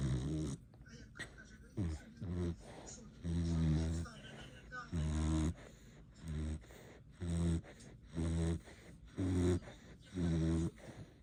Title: We are snoring